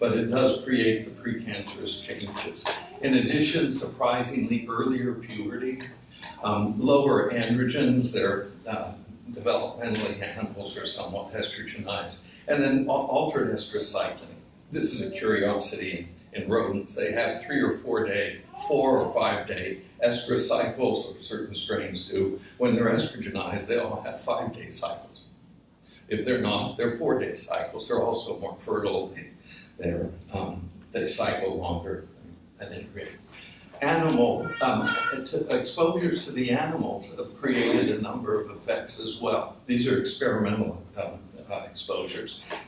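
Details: Adult male speaker with voice tremor from essential tremor, which he says also affects his hands; he says it ended his surgical work and is in his voice: voice tremor (essential tremor).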